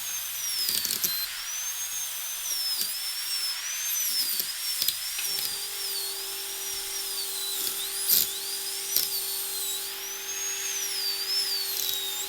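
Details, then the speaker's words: Dental drill on a surgical extraction training simulator (simulated): high-pitched whine rising and falling under load as a round bur removes bone over about a third of the tooth root height to section a tooth. "oing to switch burs from a straight cutting to a round bur, and then I can remove bone. Probably aiming to remove bone over around about a third of the height of the tooth root to begin with."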